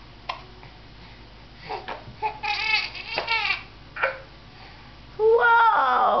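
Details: Infant in a bouncer/jumper who has the hiccups: fussing and babbling that builds into a brief, louder tonal cry at the end.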